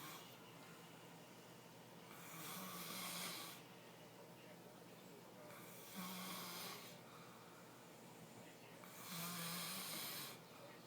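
Rhythmic rasping snores on each breath, about three cycles in eleven seconds, roughly 18 a minute.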